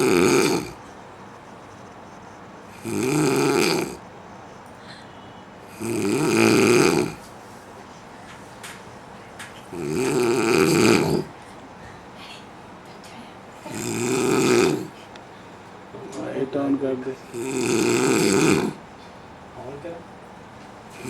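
Loud, rough snores with each breath in, about 17 a minute, separated by quiet exhalations; typical snoring.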